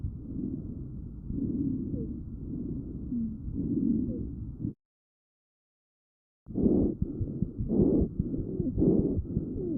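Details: Lung sounds: muffled chest sounds with faint high, musical whistling tones over breathing; wheezing.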